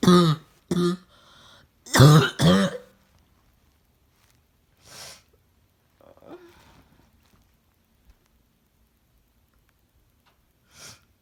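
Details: Several harsh, hoarse coughs with a deep barking quality, then quieter breaths and a single later cough; barking cough.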